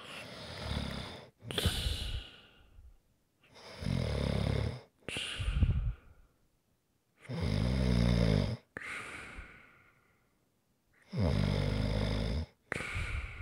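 Loud, rough, rattling snores on each in-breath with softer out-breaths, about four breath cycles: ordinary snoring.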